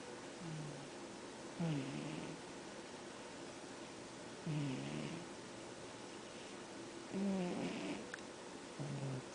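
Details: Sleeping cat snoring: soft rumbling snores with slight whistling breaths, about 21 a minute.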